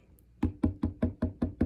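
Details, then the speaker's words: Finger-on-finger percussion over the abdomen in a head-to-toe assessment demonstration gives six evenly spaced hollow, resonant taps. This is tympany, the higher-pitched note over air, as opposed to a dull note with impaction or constipation. "So you would hear the tympany, that higher pitched sound, over air. You might hear the more dull sound if they're really impacted or they have constipation."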